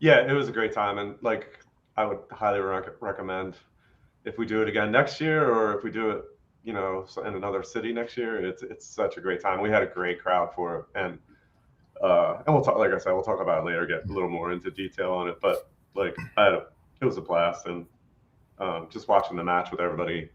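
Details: Adult man speaking; normal speech.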